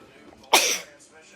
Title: Incredible Cat Allergy Sneezing Fit